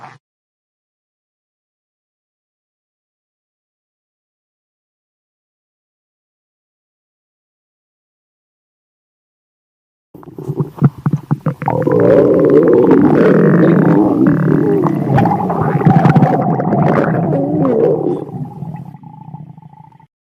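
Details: Ordinary stomach growling (borborygmi): after ten seconds of silence, a long, low gurgling rumble with squeaky tones.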